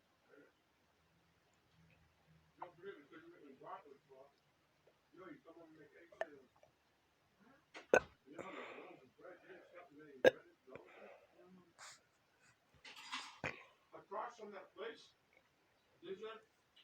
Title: Hiccup Video . at last. 😂